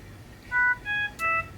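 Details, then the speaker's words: Philips Respironics Trilogy Evo ventilator, demonstration with a test lung disconnected: three rising electronic alarm tones in quick succession, the circuit disconnect alarm, with light bar flashing. "if I were to cause an alarm here I'll disconnect our test lung so we can get alarm and alarm on our"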